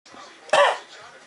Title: hugo laughs at my cough